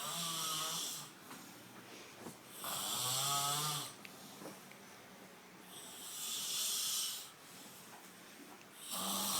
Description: Extremely funny snoring video.